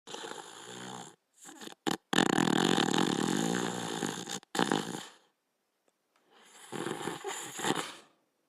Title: Border Collie Dog Sleeping & Snoring